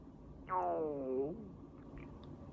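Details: A single short, tonal, downward-sliding gurgle under a second long over quiet room noise, an ordinary stomach growl (borborygmi).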